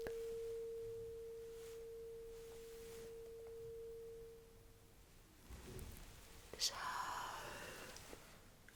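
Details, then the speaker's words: Simulated ASMR cranial nerve exam roleplay: a struck tuning fork placed on top of the head in the middle rings with a steady tone; the listener reports whether it is heard on both sides and when it stops. "Now, I will put this turn fork right on top of your head somewhere in the middle. And we'll also let me know if you can actually feel the vibration and the sounds trickling on both sides."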